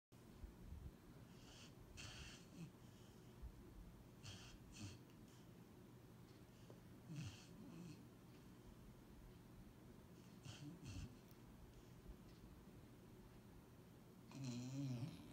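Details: 20-week-old puppy snoring and dreaming in sleep: soft, low rumbling snores with occasional faint snorts and twitchy sounds against steady background noise.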